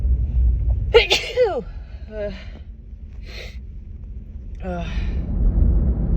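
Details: Female who could not stop sneezing all day: one sharp, explosive sneeze followed by short voiced breaths and gasps over low rumbling background noise; a single sneeze.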